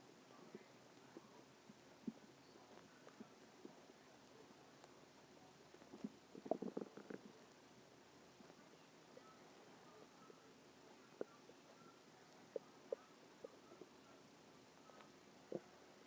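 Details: Stomach growling: faint gurgles and soft rumbling pops from the belly over quiet background hiss, ordinary borborygmi.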